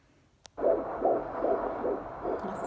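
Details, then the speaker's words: Fetal heartbeat on Doppler at 15 weeks of pregnancy, mother approaching 40, heard at a doctor's visit: rapid, regular whooshing pulses, about 142–153 beats per minute; within the normal range. "babies that is the babies it sounds slow is it a slow that's 146"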